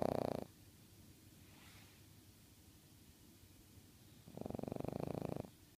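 Two loud, rough, buzzing breaths with a quiet pause between them, the noisy vibrating breathing of a cat snoring in sleep.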